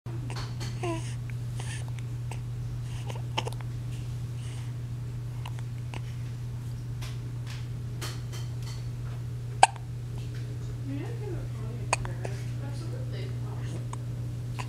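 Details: Baby boy hiccuping for about a minute, unrelieved by sips of water upside down: three brief, sharp hiccups over fifteen seconds with a low electrical hum in the room.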